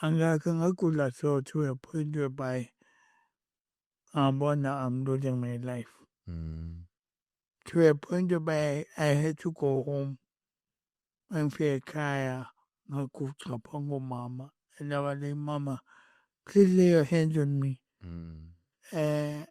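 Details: Adult male born with cerebral palsy, with a head injury from a June 2000 car accident that affected his speech, walking and left-ear hearing; acquired speech impairment (dysarthria) with cerebral palsy.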